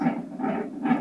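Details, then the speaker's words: Normal fetal heart sounds on a Doppler fetal monitor at 38 weeks (term) during a late-pregnancy check by a midwife: rapid whooshing pulses at roughly 140 beats a minute; the baby is doing well. "alors là vous entendez le bruit du cœur de votre enfant il va très bien d'accord"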